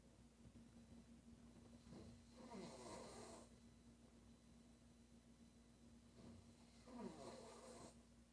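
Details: Girl snoring: two loud, rasping snores on inhalation about five seconds apart, over a steady electrical hum in a quiet room.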